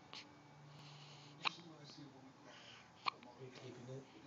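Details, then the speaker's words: Hiccups again, about the tenth time today, with the little belly shaking: two soft, sharp hiccups about a second and a half apart, with faint breathing and room noise between. "delaney have the hiccups again"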